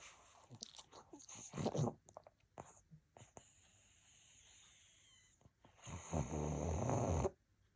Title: Fur baby snoring away 🐶 💤 #pug #pugsnores #puglife #petlover #cutedog